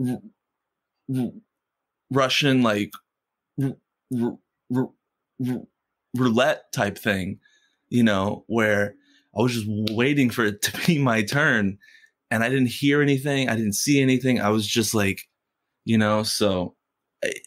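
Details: Stuttering in an adult man who has stuttered since first grade and stutters most when asking for things or saying something important.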